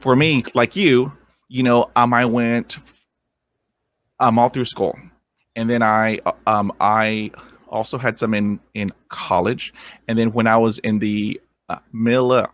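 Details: Adult man who has stuttered since growing up: stuttering.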